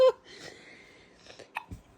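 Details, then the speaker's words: Baby boy with hiccups gives a sharp, abrupt hiccup, then a few softer catches in a quiet room while being asked if he has the hiccups; hiccups. "Do you know, it sounds like you have the hiccups. Are those hiccups I hear? That sounds like the baby with the hiccups."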